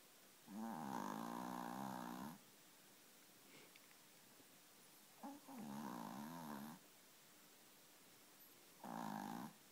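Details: Mighty snoring: long rattling, buzzing breaths recurring about every four seconds with quiet pauses between, during sleep.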